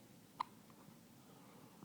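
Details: A baby, 8 days old, gives a single short, sharp hiccup in a quiet room; hiccup.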